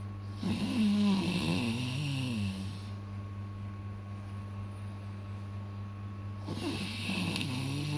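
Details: Two loud, rattling inhaled snores about six seconds apart with steady room hum; ordinary snoring heard near a baby who is startled by the sound.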